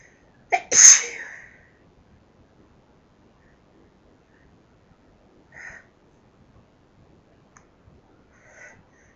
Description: More sneezes from me..... some loud, some half stifles and some talking